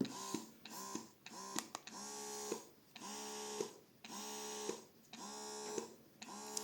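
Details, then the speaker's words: Swan baby S3 Pro Lacto electric breast pump in suction mode: rhythmic motor whirring in repeated pulses about one a second; breast pump suction cycling. "Це режим смоктування. Це режим черговості масажу і смоктування."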